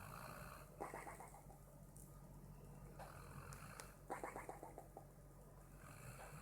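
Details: Sleeping pit bull snoring softly: quiet, irregular rattling breath noises with a low steady hum behind them; snoring.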